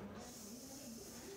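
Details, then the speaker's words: Steady, quiet hiss of air escaping a manual blood pressure cuff as the screw valve is opened after reading the diastolic pressure at the inside of the elbow; cuff deflation hiss. "the diastolic blood pressure is the number when the sounds disappear this is the bottom number now open the screw valve"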